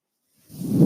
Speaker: my ventilator and welcome to page-turners they were not my Star Wars podcast